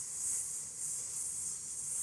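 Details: Demonstrated (acted) example of stuttering prolongation, the second of three stuttering types, in which a sound is held too long; finding: stuttering prolongation.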